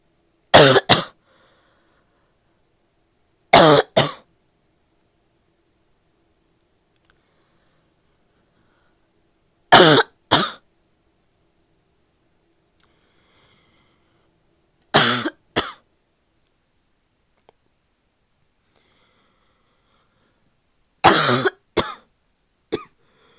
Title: barky coughing fit (f)